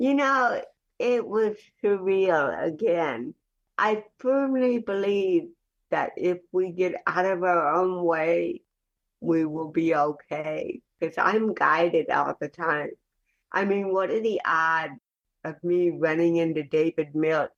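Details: Dysarthric speech in cerebral palsy, heard in the real conversational speech of an adult woman.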